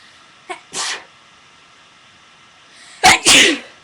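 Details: Deliberate sneezing by a girl who says her allergies are acting up: brief intake then a sharp sneeze burst, after a pause another short double sneeze; quiet room.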